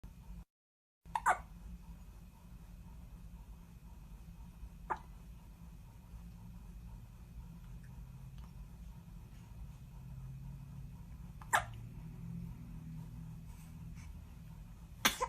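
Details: About four sharp, brief hiccup clicks over fifteen seconds from a newborn in a private NICU room under monitoring, with low room hum behind.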